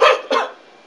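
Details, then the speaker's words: Respiratory therapist coaching a patient through Flutter valve airway clearance: after ten Flutter breaths, breath in through the nose, pause, then two forceful, breathy open-mouth exhalations, a huff cough rather than a full cough. "that's where you're going to take a breath in through your nose pause a second and then Huff it out not cough but Huff like"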